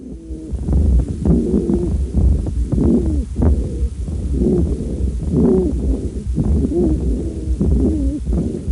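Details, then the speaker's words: Pediatric respiratory distress, lower airway narrowing such as bronchiolitis. Rapid breathing with repeated high, musical whistling tones on each breath: wheezing. "you need a stethoscope but it's usually easy to recognize it's generated by air passing through a narrowed airway like when you suck through a pinch straw"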